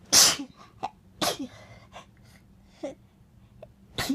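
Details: A few sharp, hissy sneezes in bed with soft breaths and small sounds between them in a quiet room; sneezing.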